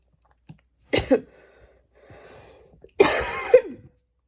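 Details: A double cough, a soft rough breath, then a stronger cough with a trailing throaty sound, recorded while studying; short coughing bout.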